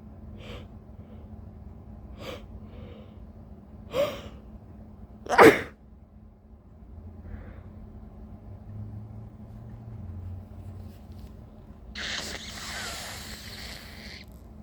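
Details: Sneezing fit with big buildups: quiet breathy buildup with short catches, then a sharp explosive sneeze and a later softer one, in a quiet room; later followed by two intense coughing fits.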